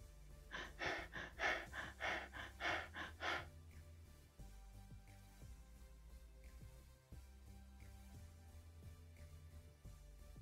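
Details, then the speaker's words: Brief cluster of quick, gasping breaths, then a long silent apnea, in an unconscious patient with a brain injury after a blow to the head without a helmet: Biot's breathing. "indeed the patient is displaying bios breathing pattern as you can see there is a period of apnea followed by rapid breathing"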